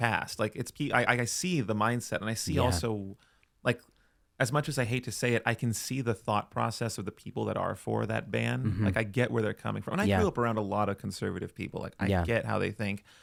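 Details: Adult man; typical speech.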